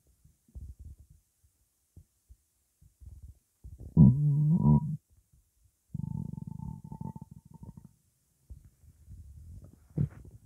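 Irregular low gurgles and rumbles, with two longer squealing growls midway, typical of stomach growling (borborygmi).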